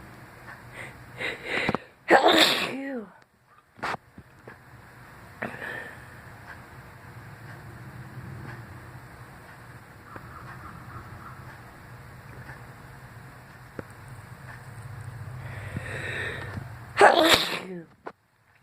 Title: Caught this sneezing fit at work. Unknown cause